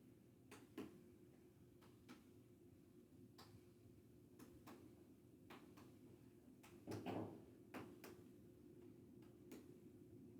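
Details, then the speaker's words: Abdominal percussion during an adult head-to-toe exam: soft, sharp taps across the abdomen, with a dull note over the liver, an expected normal finding; the liver is palpated about 1 cm below the costal margin. "There's It does sound dull over the liver as should be expected."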